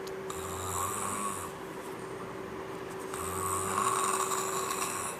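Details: Snoring.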